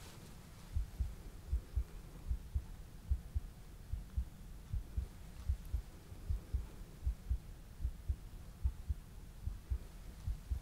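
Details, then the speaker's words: Simulated roleplay ER exam of a patient reporting a racing, pounding heart: steady low thumps at about 74 a minute through a stethoscope, normal pulse sounds, after brachial and radial pulse checks. "Everything sounds normal."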